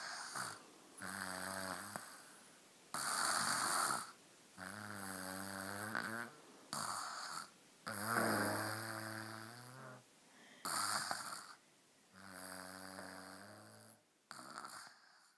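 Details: Infant snoring during an afternoon nap: repeated loud, buzzing snores on each breath with brief pauses between.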